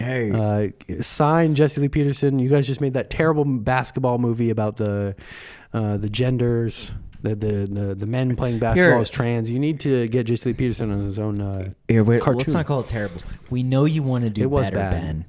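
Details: Adult male speaker; no disorder.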